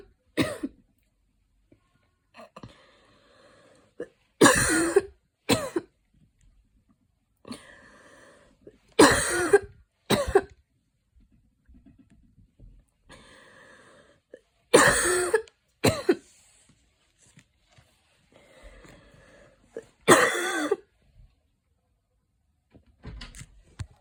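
Repeated coughs in pairs and short runs, with audible breathing between them, after running.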